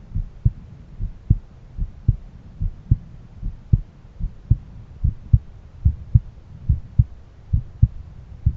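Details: Own heartbeat auscultated at different valve areas; heart sounds.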